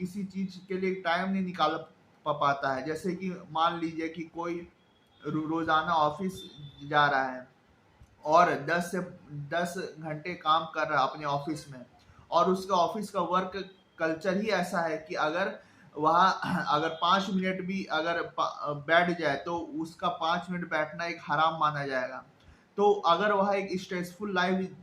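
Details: Male adult who stammers, describing his stammering as able to worsen suddenly with isolation, depression, stress and heavy responsibilities; stuttering.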